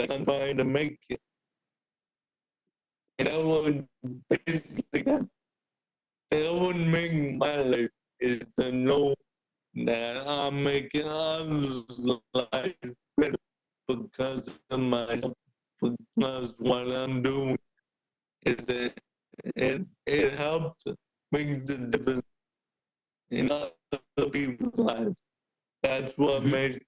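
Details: Dysarthria in an adult man with cerebral palsy since birth who uses a wheelchair; speaking is noted to be hard for him.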